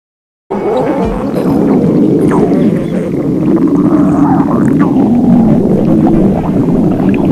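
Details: Continuous low gurgling rumble with squeaky, rising whine-like sweeps throughout, from an adult woman's abdomen: loud stomach growling (borborygmi).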